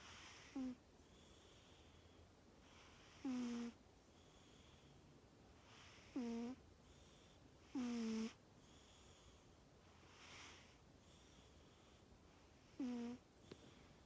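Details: Sleeping animal, a flamingo by one account and a cat by another, snoring loudly: irregular squeaky, whistling snores about 13 a minute with quiet breaths between.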